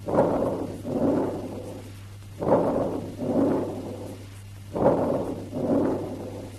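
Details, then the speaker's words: Vesicular breathing with prolonged expiration, longer than inspiration yet keeping its rustling character; a teaching example, typical of chronic bronchitis, asthma and emphysema from bronchiolar narrowing, sometimes early tuberculous infiltration. "Note that though expiration is prolonged and longer than inspiration, its rustling character is maintained."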